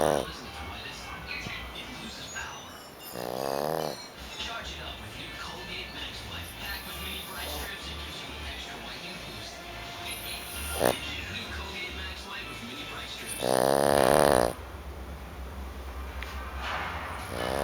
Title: snoring dog